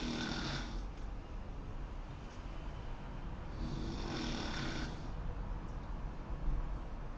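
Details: Loud snoring: two slow, rough breathing sounds about four seconds apart over steady low room noise.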